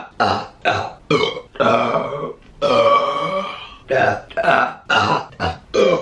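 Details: Deliberate burping compilation: a rapid series of long, loud, voiced belches, some drawn out over a second, with music.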